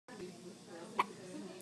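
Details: Two people with a morning bout of hiccups that came back after seeming gone: one sharp, brief hiccup over low background chatter in a room.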